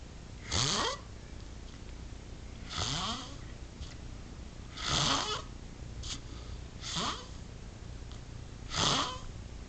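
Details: Frank's heavy snoring: loud, harsh rattling snores on each inhalation, about five in ten seconds, with quiet pauses between; snoring.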